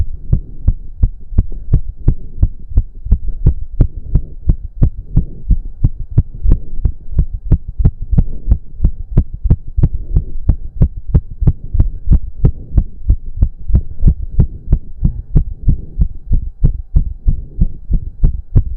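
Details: Male during a 15-minute intense cardio workout with heavy breathing: rapid, forceful, steady heartbeat about 180 per minute, which the man himself put close to 200 bpm; exercise-induced sinus tachycardia, normal with intense exertion.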